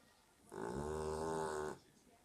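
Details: Sleeping pet dog snoring loudly: one loud, buzzing, tone-like snore lasting just over a second.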